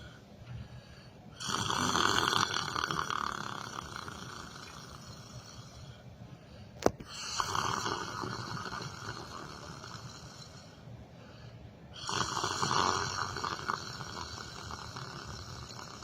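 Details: Loud rough snores on each in-breath, about 12 breaths a minute, with quieter out-breaths between; someone sitting on a chair who fell asleep during yoga meditation, in a small room.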